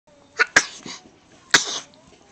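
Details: Very cute sneeze recorded on a Flip Video camcorder, with a caregiver chatting to the sneezer afterward.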